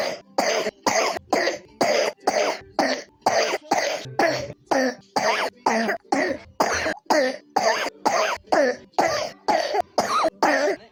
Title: 3 year old pneumonia coughs